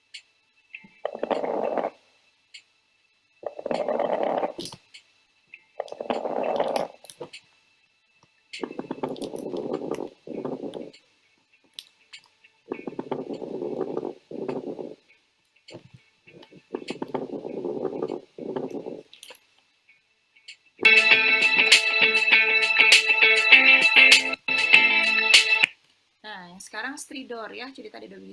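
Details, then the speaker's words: Teaching example of stridor, a high-pitched abnormal breath sound, louder when heard with a stethoscope over the throat: about six harsh high-pitched breath cycles at roughly 20 a minute, then a louder, more musical noisy stretch. "Stridor itu adalah bunyi abnormal pada paru yang nadanya tinggi. Jadi mirip dengan wiing ya."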